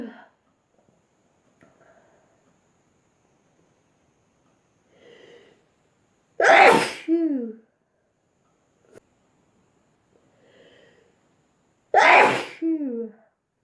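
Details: Two loud, full sneezes, each after a short breath in, in a quiet room; ordinary sneezing from a sneezing compilation.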